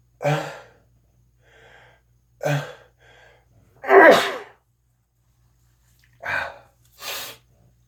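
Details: Five loud sneezes in quick succession over about eight seconds, some with a short breath drawn in before them; a real, prolonged repeated sneezing fit.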